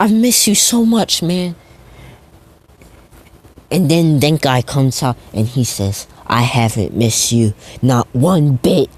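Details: Male speaker who says he stutters a lot; stuttering.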